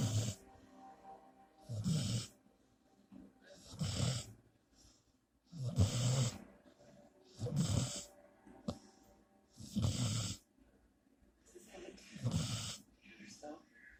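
Rough, rumbling snores with each breath, about 30 a minute, irregular spacing, faint music in the background. Snoring.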